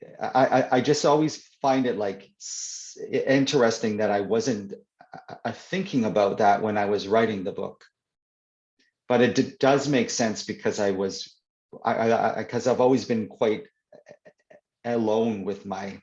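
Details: Adult man who stutters (stammers), in real conversation; stuttering.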